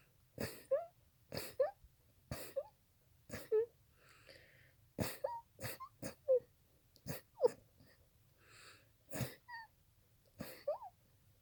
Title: Peppery sneezes